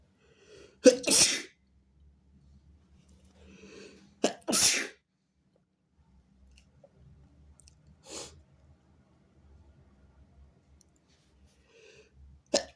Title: sneezing on my robe, bless me! (he/they)